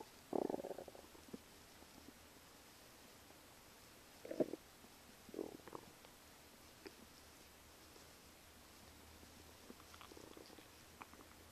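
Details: Morning stomach sounds: soft gurgling, bubbling rumbles in irregular bursts over quiet hiss; ordinary stomach rumbling.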